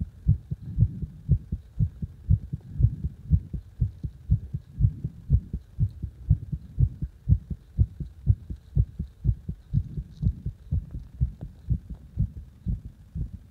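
Strong, regular low thumping heartbeat, roughly 60 beats a minute, each beat pounding and prominent.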